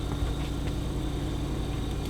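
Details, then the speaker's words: A medical oxygen concentrator used for COPD, running normally with its flow ball centred, gives a continuous low motor hum and steady rumble as it draws air in and concentrates oxygen to about 93–95%. "now as you can hear the machine actually breathes essentially it's taking the air in to clean it it's a basically which is interesting"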